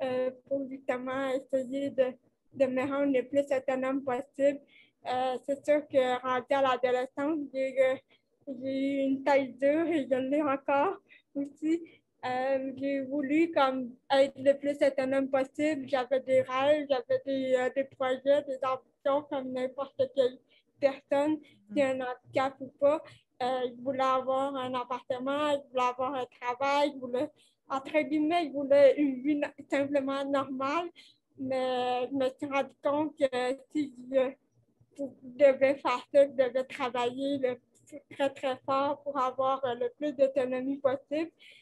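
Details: 29-year-old woman with cerebral palsy caused by lack of oxygen at birth, who appears to mention speech difficulties, speaking French; dysarthria associated with cerebral palsy.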